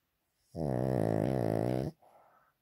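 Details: Sleeping pet dog; the owner wonders about a vet check to make sure he is breathing properly. A single long, loud, buzzing, rattling snore on one breath, then a soft exhale.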